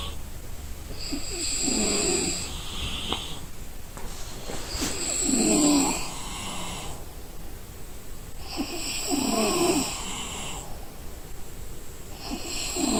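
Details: Exhausted person asleep gives rhythmic snores, about 16 a minute, rattling on inhaling with a softer breath out, over faint room noise; snoring.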